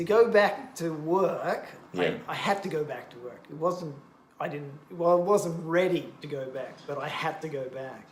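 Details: Adult male stroke survivor, bilingual English teacher, with expressive aphasia affecting both English and Japanese after a stroke during heart surgery four years earlier; word-finding difficulty, circumlocution, cognitive fatigue; language reportedly around 50-60 percent, gradually improving; expressive aphasia.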